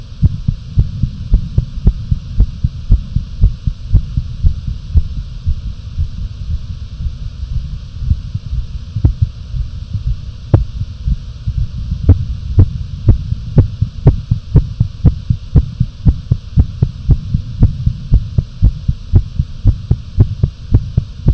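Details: Rapid, forceful, low heart thumps at about 118 per minute over a steady low hum, recorded with some breath holds: tachycardia with a fast, pounding, visible heartbeat.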